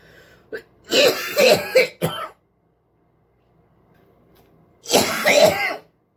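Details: Burst of three or four harsh, throaty coughs, then a pause and one more rough cough with a throat-clearing quality, followed by spitting; cough.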